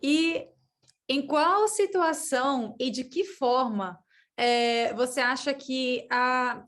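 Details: Adult female host who says she stutters, speaking Portuguese; stuttering.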